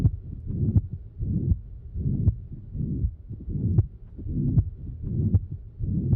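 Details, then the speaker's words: Heartbeat about 78 a minute with a harsh murmur filling systole: holosystolic murmur of a ventricular septal defect, from left-to-right blood flow across the septal defect during systole; an example recording from Wikimedia Commons. "So blood is basically whooshing from left to right across that VSSD during cy and it's causing this sound. Let's actually take a second to listen to that sound so you can hear what does this holo systolic murmur of a VSSD sound like."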